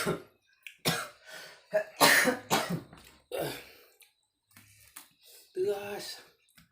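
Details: Coughing after eating young pineapple: repeated harsh throat clearing and forceful coughs in quick bursts with strained rasping between; irritant coughing.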